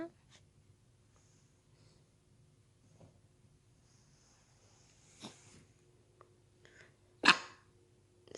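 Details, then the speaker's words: Newly adopted border collie puppy with a cold: a soft huff, then one sharp explosive cough in a quiet room. "기침 관계가 걸렸어"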